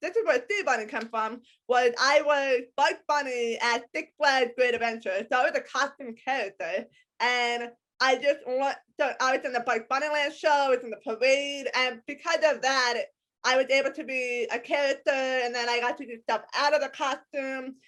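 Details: Adult woman with a congenital hearing impairment diagnosed at age 3 or 4. She wears hearing aids in both ears, is completely deaf to high-pitched sounds and has had extensive speech therapy; speech of a person with hearing impairment.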